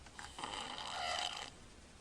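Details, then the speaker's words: Sleeping infant, breath-holding episode while snoring, recorded February 6, 2009; a single harsh, rattling snore lasting about a second, quiet room noise either side; snoring. "this is a picture of holding his breath right now he's snoring we're gonna see what happens"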